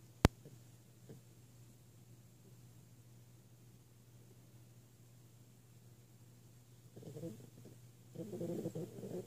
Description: Mornings are not the favorite thing of our 8 month old frenchie. She is snoring away!!